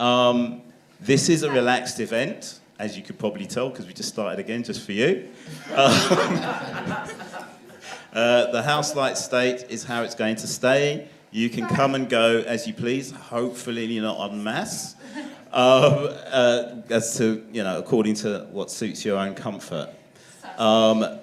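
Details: Adult man; normal speech.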